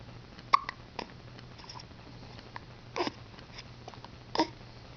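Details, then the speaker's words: Girl with hiccups: three short, abrupt catching sounds a few seconds apart over a quiet room hum. "She usually gets hiccups after she brushes her bag."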